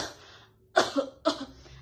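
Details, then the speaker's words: Nursing student's simulated demonstration of cough etiquette, step one: two short, deliberate coughs, slightly muffled, while wearing a face mask. Voluntary cough. "Nah, kita kan sudah memakai masker nih. Saat kita ingin melakukan batuk,"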